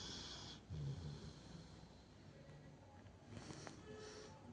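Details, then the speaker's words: A Labrador dog, asleep under a thick cover in cold weather, starts snoring almost as soon as it falls asleep: two low, rough snorting snores over faint tonal background. Snoring. "হ্যাঁ but নাক ডাকছে, ওই দেখো ঘুমোতে না ঘুমোতেই নাক ডাক শুরু।"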